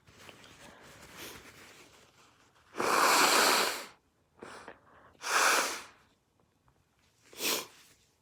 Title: breathy build-up sneezes